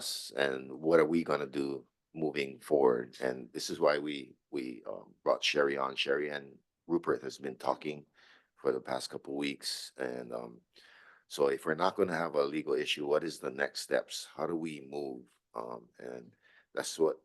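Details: Adult male speaker; ordinary speech.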